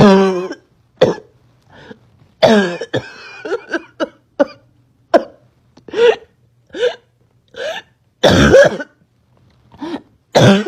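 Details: Girl with a persistent barking cough she couldn't stop: repeated harsh barking coughs in a long run with gagging sounds between them.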